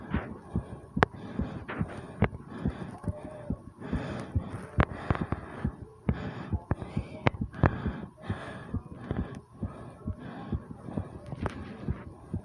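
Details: Fast, thumping heartbeat with heavy breathing, recorded after 20 squats, with stomach sounds mentioned; a normal fast heart rate after exercise.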